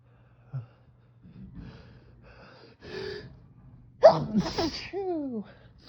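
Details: Adult in the morning just after waking, with autumn allergies back after a five-day break; suspects ragweed or leaf mold. A sharp inhaled gasp, a loud sneeze burst, then a brief voiced sound.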